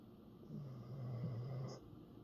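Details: A single low, rumbling, vibrating snore lasting over a second in a quiet room; snoring.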